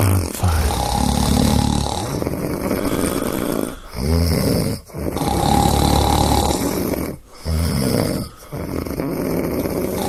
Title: Snoring compilation 114